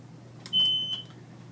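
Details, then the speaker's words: BiPAP machine, nurse training demonstration: clear high electronic beep with a click when the rear white power button is pressed to switch on, before the system self-test; power-on tone. "the white button is right here and the Machine is off to turn the machine on press the same white button"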